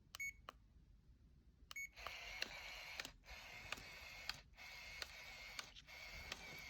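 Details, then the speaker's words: Short electronic beeps, then a steady high motor whir broken by brief pauses and clicks as a CADD pump in PCA mode purges its tubing after the settings are confirmed; infusion pump purge sounds. "là nous allons valider nos paramètres avec la petite coche verte purger la tubulure oui vérifiez bien avant d'avoir bien déclenché l'accumulure de la pompe en elle-même et la tubulure du prolongateur une fois cela fait vous validez"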